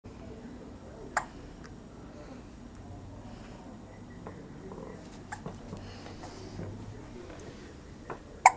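Several abrupt, brief gulping clicks spaced irregularly in a quiet room, typical of hiccups.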